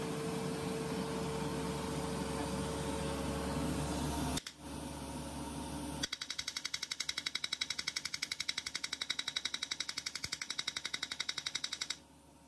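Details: Erbium YAG laser removing an epidermal nevus from a female patient's skin under anesthesia: steady rapid clicking pulses, about 170 a minute, over low room hum; Erbium YAG laser pulses.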